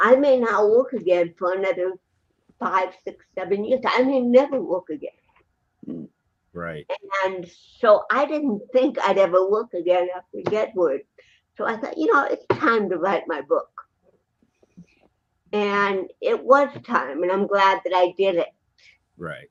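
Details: Adult woman, an actress and comedian, with cerebral palsy since birth in 1956, in real unscripted speech: dysarthria (cerebral palsy).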